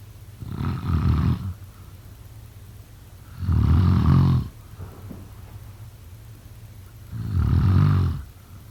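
Loud, deep rattling snores on each breath in, about 16 a minute with quiet pauses between; steady adult snoring during sleep.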